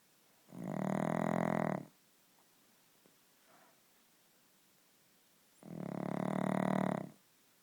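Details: Pug snoring: two long, loud, buzzing snores about five seconds apart, with near silence between them.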